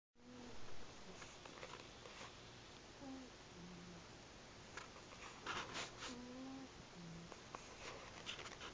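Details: Faint, soft tonal snores recurring every few seconds over quiet room noise from a sleeping cat, described as quiet but loud enough to keep the owner up all night; snoring.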